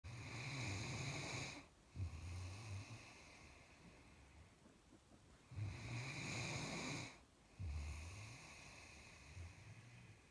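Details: Great Dane sleeping in a Santa hat, snoring: rhythmic low rattles with a faint whistling edge, each followed by a softer breath out, about two cycles in ten seconds.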